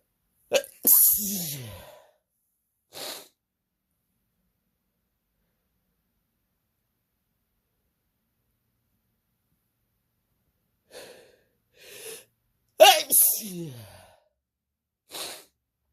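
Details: Sneezing provoked by partner's attempt (person doubted it would work): two sharp, explosive sneezes with quick intakes and sniffs around them, separated by a long quiet stretch.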